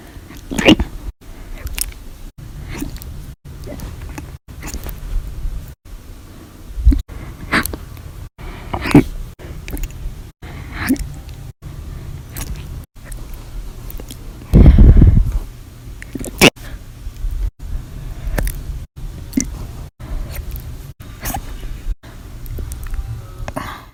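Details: Persistent hiccups after lunch and after drinking a cup of soda at dinner, audio only: brief, sharp gulping clicks recurring in a quiet room, described as violent, loud, silent, minute hiccups.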